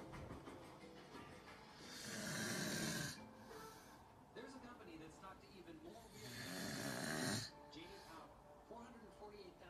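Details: Bodybuilder father and son sleeping with mouths open, two loud rasping snores with quieter breathing between, over background music and faint talk; loud snoring.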